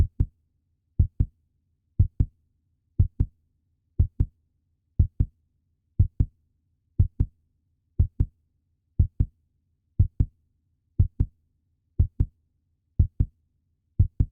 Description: Puppy heartbeat sound effect in best audio quality.